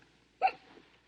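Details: Acted hiccup from a film scene (The Silencers, actress with hiccups): a single sharp, voiced hiccup in a quiet moment.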